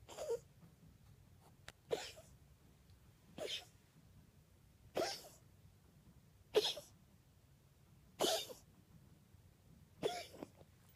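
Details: Seven short, harsh cough bursts at a steady pace, about one every one and a half seconds, recorded in the evening.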